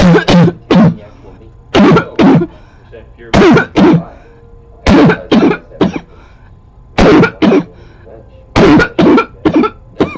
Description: This is a barking cough close up video from 2014. So I may look a little different than the first video. But same barking cough.